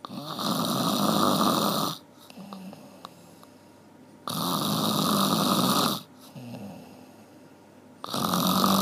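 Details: Loud, harsh snores on each breath in, about two in eight seconds, with quiet breathing out between: heavy snoring.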